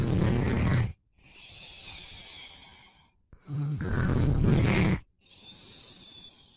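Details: Boyfriend asleep and snoring: loud, deep, rattling snores on each in-breath with quieter out-breaths, about two breath cycles in six seconds; heavy snoring.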